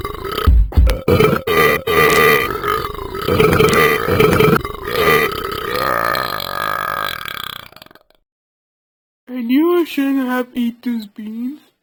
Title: Burping dog